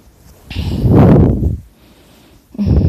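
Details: Loud, rough, rumbling breath noise building, fading and starting again: loud, chainsaw-like snoring during sleep.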